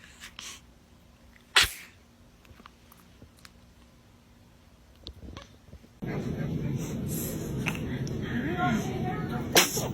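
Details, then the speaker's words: Baby gives one sharp sneeze in a quiet room, then steady background noise and faint voices. "Oh, goodness. Were you about to sneeze? Are you okay?"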